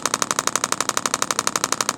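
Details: Radial shockwave therapy on a chiropractor's deltoid trigger point for shoulder pain, red tip, radial pulse mode with comfort ramp-up skipped. Rapid, even clicking pulses, about ten per second. The muscle is fasciculating.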